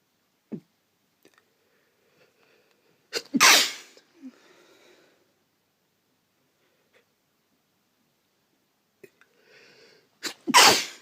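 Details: Person's two loud, forceful sneezes, each with a short catch before and followed by a sniff or breath, in a quiet room; sneezing.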